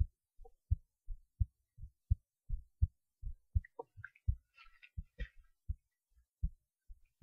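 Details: Heartbeat recorded while lying on the left side, soft regular low thumps at about 80 to 85 beats a minute with a faint rustle partway through.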